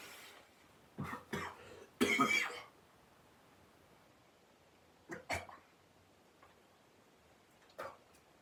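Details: Acted coughing: about six short, deliberate cough bursts with one longer, harsher burst and quiet pauses between them in a quiet room.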